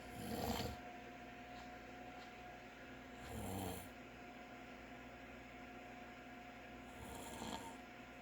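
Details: Adult man (father) snoring in sleep: three rough, rasping snores at about 20 breaths a minute over steady background hiss.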